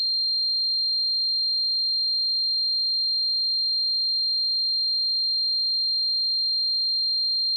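A steady high-pitched whistle holds without change throughout: a simulation of what ringing in the ears is like.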